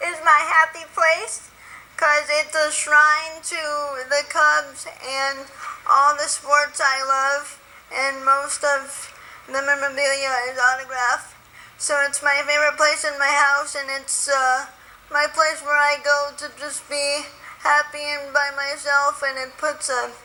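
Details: Woman with spastic quadriplegic cerebral palsy since birth, born 3 months premature at 1 lb 14 oz, very tight muscles, wheelchair user dependent on others for feeding and bathing; dysarthria (spastic, cerebral palsy).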